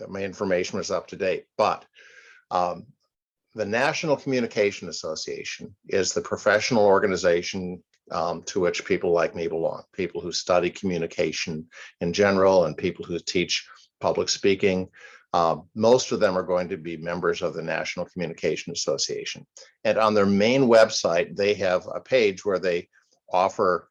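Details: Adult male speaker; typical speech.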